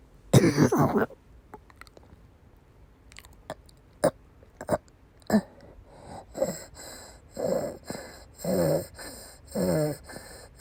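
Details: Woman during persistent asthma attacks with migraine-cluster headache complex: a harsh coughing burst followed by repeated strained retching and gagging; persistent cough with vomiting.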